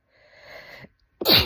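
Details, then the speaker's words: Person in a run of repeated sneezes (fifth of a series), with a quiet building in-breath, a brief pause, then one sharp explosive sneeze. "oh my God it's happening again I just did my fourth I just did my fourth I'm about to have my fifth wait wait"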